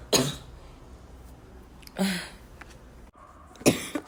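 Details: Repeated cough with throat clearing.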